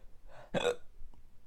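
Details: A man hiccuping after swallowing an extremely hot pepper product (9 million Scoville units) in a spicy challenge: a single abrupt, gulping hiccup with a sharp voiced catch, then quiet.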